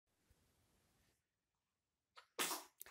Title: my baby sneezing so cute